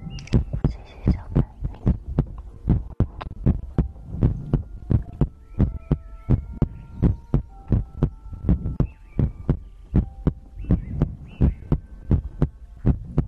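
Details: ASMR heartbeat-and-breathing compilation recording: steady low thumping heartbeat around 85 beats a minute with a faint hum behind it; normal heartbeat.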